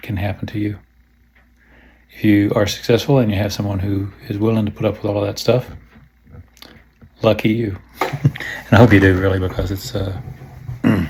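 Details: Hypokinetic dysarthria (Parkinsonian speech) in a man with Parkinson's disease diagnosed in March 2018 at age 54, treated with DBS surgery.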